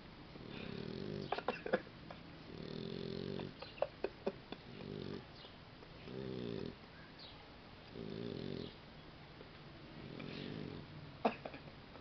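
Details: Boxer puppy snoring: rhythmic rough snoring on each breath, about five snores in twelve seconds (roughly 25 a minute), with faint rustling between.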